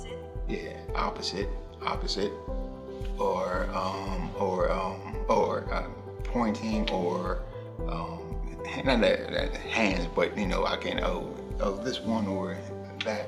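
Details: Aphasia after stroke two years earlier, with almost no words initially; uses phone, writing and pointing to trigger words; also auditory comprehension difficulty; aphasia.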